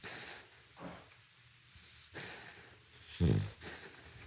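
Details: Snoring from a napping puppy who falls asleep quickly; snoring.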